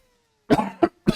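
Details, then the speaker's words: Adult male streamer with a throat problem that leaves his speaking voice airy but his cough voiced: three short, sharp coughs in quick succession, the first with a brief trailing voiced rasp. "Quand je tousse, j'ai de la voix mais quand je parle non parce que j'ai un genre de de filtre je sais pas quoi."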